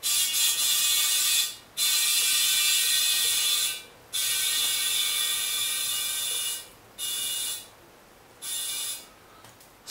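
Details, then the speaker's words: Loud bursts of rushing, hissing air, each a second or two long with short pauses, as a compressor gun with a bar gauge pressurizes a stainless dental polymerization pressure pot with a 3-bar safety valve, reaching about 2.5 bar. "дальше мы возьмем компрессорный пистолет на нем также есть манометр также про градуированный в бар подключаем и начинаем на хочу"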